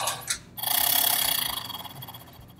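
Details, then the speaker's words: Person with cystic fibrosis doing airway clearance: a steady exhalation with cheeks kept in through a handheld oscillating PEP device gives a rapid fluttering buzz that vibrates the airways to loosen mucus. "that you're blowing into this device and it's it's sending vibration back down in your lungs and shaking all the stuff up so therefore it's easy to cough it up right"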